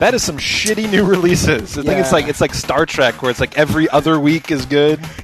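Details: Adult male speaker; typical voice.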